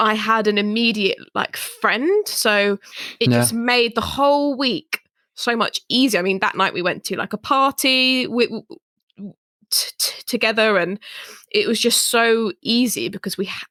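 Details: Adult woman who stammers; stammering.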